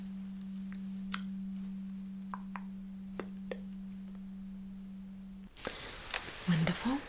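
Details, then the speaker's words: Simulated ASMR roleplay of a cranial nerve hearing test: a struck tuning fork is placed behind the ear and the patient is asked to say when it stops. Steady low hum fades slightly, stops abruptly, then soft rustling. "so I'll put it right behind your ear Can You Feel The Sound and the vibration tell me when it stops"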